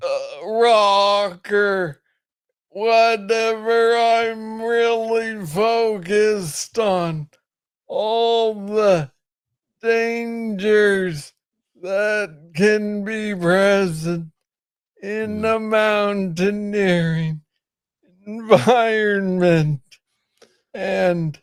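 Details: Adult man diagnosed with Parkinson's disease in 2014 at about age 35, first misread as tennis elbow; noted to speak slowly. Slow speech (hypokinetic dysarthria) in Parkinson's disease.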